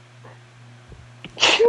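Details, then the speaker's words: A quiet in-breath, then a single sharp, high-pitched sneeze from a man over a low room hum during a streamed tabletop game; listeners first took it for a woman's and called it a very feminine sneeze. "Yeah. That was a very feminine sneeze."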